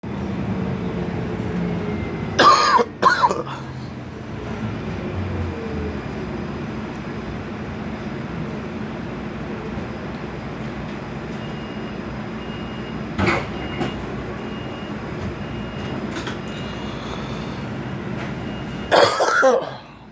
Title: I cough and watch him squirm!